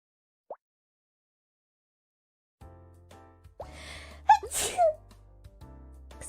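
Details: A single sharp sneeze from a streamer during a live game stream, over quiet background music and effect sounds; sneezing.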